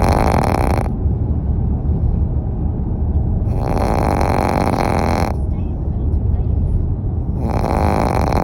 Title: Puppy snores